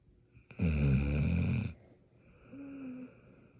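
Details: Kelpie dog, one loud, low rattling snore on the in-breath then a softer whistling out-breath; snoring.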